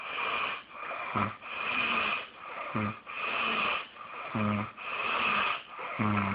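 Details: Loud snoring: rhythmic rasping at about 36 noisy breaths a minute, with a short snort on each in-breath.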